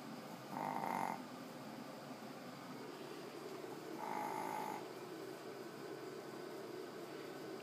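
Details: A fat chihuahua snores during sleep with soft, whistling, nasal snores recurring every few seconds over steady room hiss.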